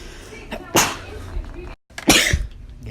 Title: SNEEZE COMPILATION!! (Funniest video)